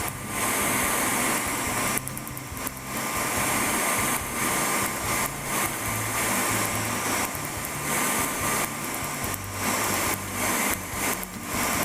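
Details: Second color tattoo removal session with a laser on real patient, more tolerable than before; rapid, irregular snapping laser pulses over steady humming cooling unit.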